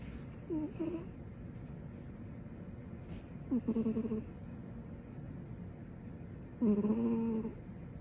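Three whistling, squeaky snores at irregular intervals, roughly 19 a minute, over steady background hiss.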